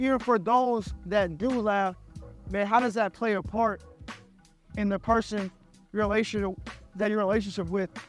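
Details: Stuttering in an adult podcast host who stutters, speaking conversationally.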